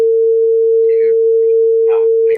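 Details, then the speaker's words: Steady pure hum of a struck tuning fork with faint room sounds, in a simulated Weber test: the handle is placed mid-forehead and the patient is asked which ear hears louder. Simulated audiology case of Ménière's disease with normal otoscopy. "test so the test subject here's the tuning fork on the right so so the the vapor test it means uh you will stain the tuning fork and place it the um the handle part on the middle of the patient's forehead and ask the patient which side does he or she hear better or louder"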